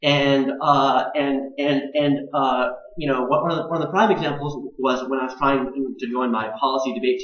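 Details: Adult man, a Disability Studies graduate student, with stuttering; family history (father stuttered); also on the autism spectrum, with anxiety affecting fluency: stuttering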